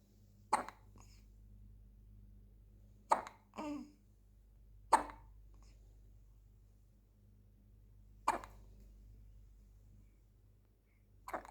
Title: Hiccups baby Hik